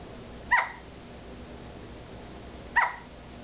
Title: Rosalina Hiccups